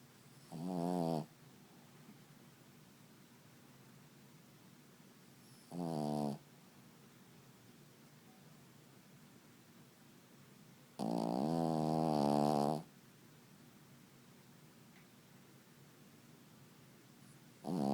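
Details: Puppy snoring while snuggled asleep: four brief, buzzy, rhythmic breathing noises with quiet pauses between them.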